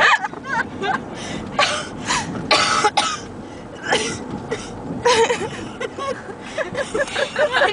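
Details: An adult woman (mom) with a bad cold tries to sing "The Hills Are Alive"; the singing is broken repeatedly by harsh cough bursts and throat clearing.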